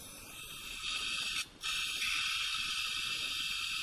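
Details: Steady high-pitched whirring hiss with a brief drop partway through; surgical implant motor running during a direct sinus lift with simultaneous dental implant placement.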